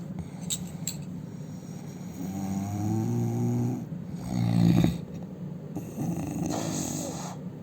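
Loud, rough, buzzing snores come with each breath, one swelling into a harsh rattle, over steady room hum. Loud snoring.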